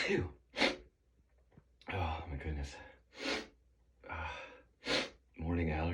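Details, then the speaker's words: Morning allergy sneezing on waking with a tickly nose: sharp gasping in-breaths alternating with sneeze bursts and voiced exhalations, a run of sneezes with preparatory gasps. "Not sure what is that What's setting me off this morning, but It's definitely going Excuse me. It's going to be a Sneezy day."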